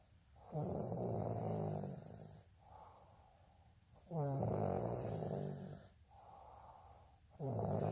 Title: snoring asmr sound 161